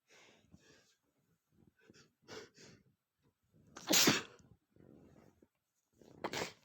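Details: Male with a hay allergy sneezing: soft breathy build-up sounds followed by two sharp sneezes, the first louder and explosive; an ordinary sneezing bout.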